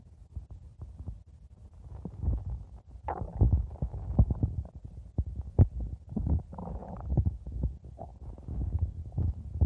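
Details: Low, irregular gurgling rumbles and squelches with a few sharper pops; stomach growling (borborygmi).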